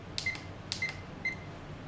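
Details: Mindray SK-600II infusion pump, keys pressed while setting the preset volume to 200 ml: three short electronic beeps, each after a soft key press, about half a second apart.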